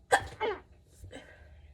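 A single short, explosive sneeze with a brief voiced tail, followed by quiet breathing in a small room.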